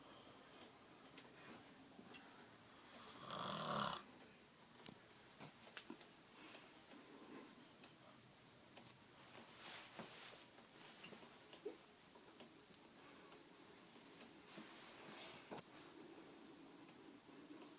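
Quiet room with occasional louder rasping breaths every few seconds against soft clicks and rustling; intermittent snoring.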